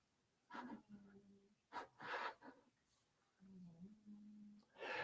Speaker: can you hear that can you hear my cat snoring